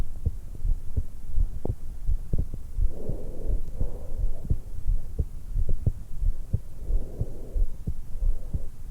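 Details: 20-year-old woman lying supine in bed right after waking, stethoscope microphone at the suprasternal notch: steady heartbeat near 90 a minute with soft breaths; normal heart and breath sounds.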